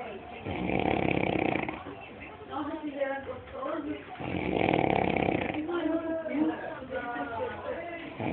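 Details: A person snoring loudly during a short nap: rough, drawn-out snores, two long breaths in about eight seconds, with music and talk in the background.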